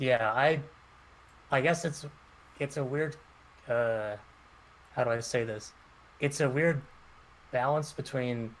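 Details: Stuttering in a male caller who actively worked on his stutter in high school and still stutters.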